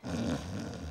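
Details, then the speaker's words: A brief, low, rough rumbling snore with a fluttering buzz, heard in a science TV segment about snoring. "you see hidden deep beneath the snow-capped roofs their lurks the sound of snoring"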